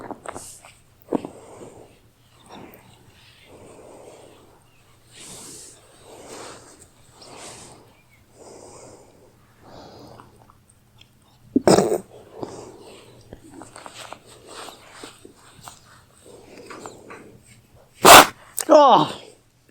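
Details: Pet indoor rabbit sneezing right into a girl's ear: soft repeated snuffling breaths, then two short, sharp, explosive small-animal sneezes close to the microphone; loud sneezing.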